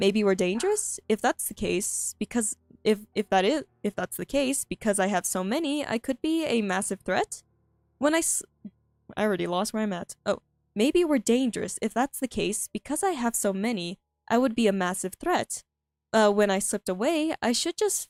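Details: Female streamer with self-reported frequent stuttering, reading aloud her own story, which she finds difficult; repeated phrases and fillers; stuttering.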